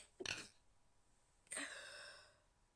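Two short, muffled hissing bursts, the second with a brief airy trail: quiet, held-back sneezes.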